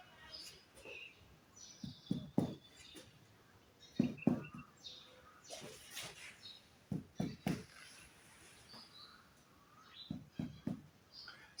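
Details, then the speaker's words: Chest percussion in a respiratory assessment demonstration on an admitted adult male patient: short hollow taps in small groups over the chest give the same resonant note all over, the normal percussion sound over healthy lung. "i can hear from mr billy the sound is the same all over and it is the resonance sound"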